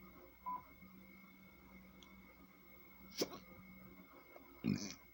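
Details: Three brief, sharp, involuntary gulping sounds interrupt talking in a quiet room, each a sudden catch of breath: hiccups.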